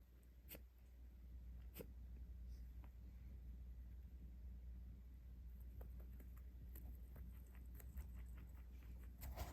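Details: Pet rabbit sneezing twice right after eating fresh cilantro: two tiny sharp puffs over low room hum, followed by faint clicks and rustling.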